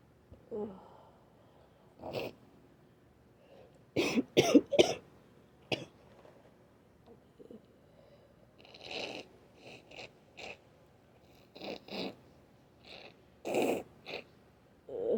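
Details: Adult trying to induce sneezes: a brief cluster of short coughs among wet, clogged sniffles and groans.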